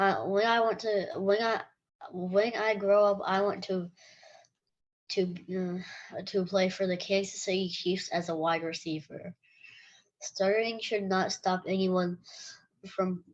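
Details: Stuttering in a 9-year-old boy, with audible repetitions.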